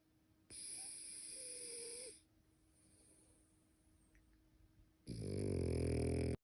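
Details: Sleeping French bulldog: two loud snoring breaths separated by a quiet pause, the second deep and rattling; loud snoring.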